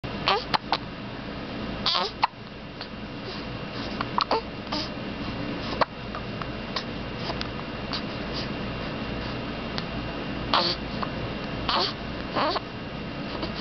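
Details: 3-week-old infant with repeated short, sharp hiccups at irregular intervals, several over about fourteen seconds, steady room noise; infant hiccups.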